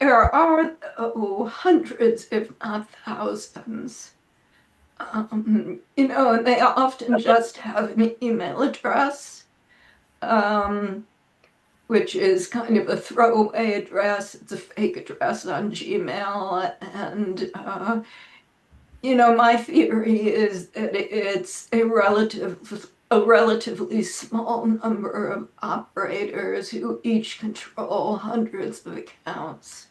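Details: Adult woman with spasmodic dysphonia, which she says causes her voice to sound this way; severity varies from day to day, and she reports this is not a particularly good day; spasmodic dysphonia.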